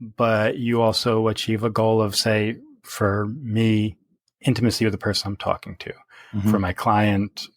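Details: Real stuttering in an adult man speaking naturally in conversation.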